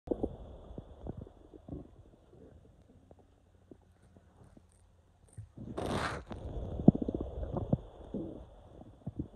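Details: Low gurgling and rumbling with bursts of bubbling and a longer gurgle: loud stomach growling from gas and fluid moving through the intestines, recorded on waking with intestinal cramps.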